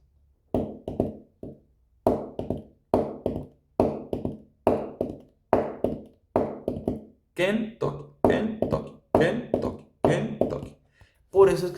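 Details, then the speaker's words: Regular heartbeat near 68 a minute with three sounds per beat, the last two close together in a "Ken-tuc-ky" rhythm: an S3 gallop. "eso es que se le conoce como sonido galopante, ¿va?"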